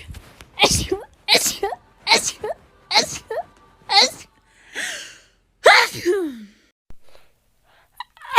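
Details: Woman's rapid sneezes, compilation: about seven sneezes in quick succession, each a sharp burst with a voiced tail, then a few small sounds.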